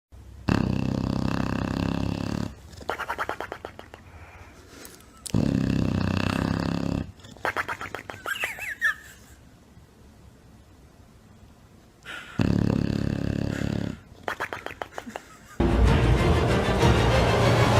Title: Английский бульдог Прикол 2019 . How a bulldog snores 2019